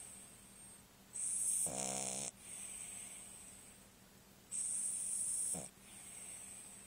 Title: Snoring Deuce